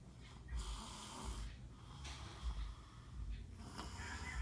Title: Little boss snoring.... Zzzzz